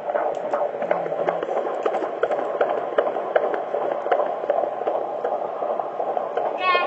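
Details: Fetal heartbeat at 19 weeks of pregnancy: rapid galloping whoosh, about 158 beats a minute, through a hissing Doppler-type monitor.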